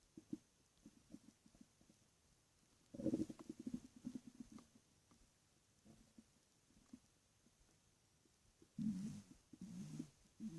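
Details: Stomach growling at night while lying in bed: low gurgling rumbles in a quiet room with two louder, longer growls; ordinary borborygmi.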